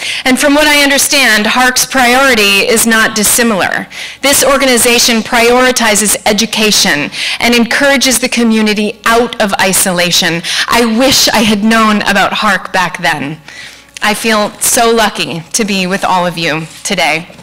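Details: Adult woman speaking; fluent speech.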